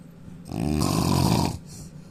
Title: indian man snoring loudly 🤣